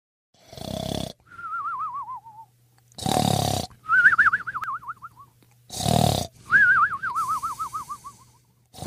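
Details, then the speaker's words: Human snoring: three loud rasping snores on the in-breath, each followed by a warbling whistle on the out-breath. "Apakah kalian sudah tahu mengapa kita bisa mendengkur apa ya sebabnya Apakah mendengkur adalah suatu hal yang negatif"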